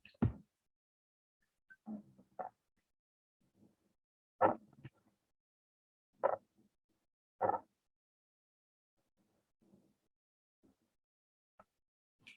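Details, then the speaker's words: Low-pitched, coarse snoring-like grunts recurring every second or two: rhonchi, dry bronchial rales, often audible without a stethoscope; demonstration in a lung auscultation teaching recording. "Dentro de los secos, nosotros vamos a tener los roncus. Estos roncus suelen ser de tonalidad grave."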